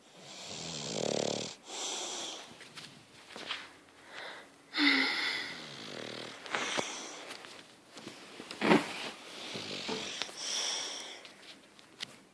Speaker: just doesn't wake up. Back to snoring.